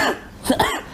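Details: A single short, sharp adult cough from a cough compilation, brief and abrupt, with faint room noise around it.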